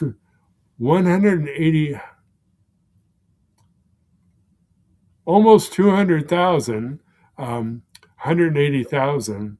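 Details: Man about 16 years after two strokes: the first took out his speech centre, causing expressive aphasia, and the second caused right-sided motor loss; expressive aphasia.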